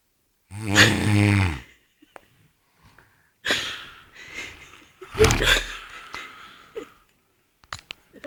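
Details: Two loud, rough, vibrating breaths separated by a pause, with faint clicks between; loud snoring during sleep.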